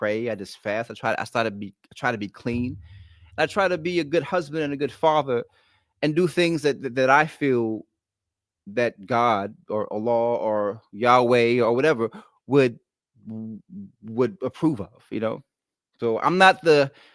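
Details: Adult male author with a lifelong stutter, ten times worse in childhood, worse when excited or relaxed at home; here concentrating to control it; stuttering.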